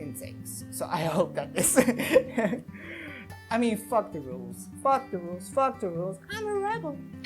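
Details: Adult woman; vocal tics.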